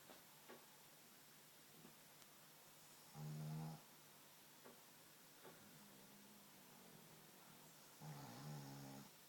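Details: Pugs snoring: two loud, low, rattling snores against quiet room noise, with faint softer breaths between them.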